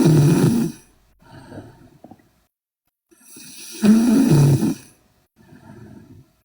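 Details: Two loud, rough snores on the in-breath, each followed by a quieter out-breath: heavy snoring in a sleeping Korean girl.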